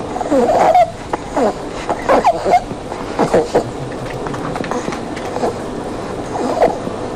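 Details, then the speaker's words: Wheeze in a young child: repeated high-pitched, coarse whistling sounds on breathing out, from narrowed lower airways, given as the example contrasted with stridor. "so they were two examples of wheezing and well one was an example of wheezing which is the high-pitched course whistling noise when children breathe out"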